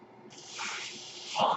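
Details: The podcaster's own mechanical ventilator: a steady airy hiss switches on and swells over about a second as it delivers a breath.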